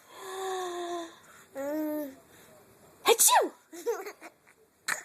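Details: Mother sneezing while her young son laughs at her sneezes: sharp adult sneeze bursts followed by the child's giggling and voiced sounds.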